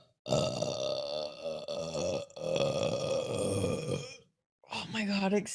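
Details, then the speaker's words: Adult man, a wrestler, burping: long, loud, drawn-out rumbling belches. "me this kombucha sorry keep going through this pandemic uh oh my God excuse me let one rip"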